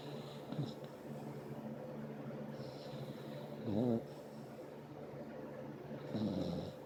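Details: A sleeping puppy under the covers makes soft, rattling snores and a few louder snorting breaths over a steady low hum; snoring.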